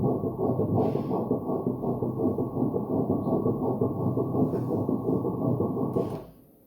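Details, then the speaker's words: Obstetric ultrasound at 7 weeks of twin pregnancy with two gestational sacs; Doppler of one embryo gives rapid rhythmic whooshing pulses, about 167 per minute, a normal early fetal heartbeat. "Notice the heart beating here Let's hear the heartbeat It's already bigger"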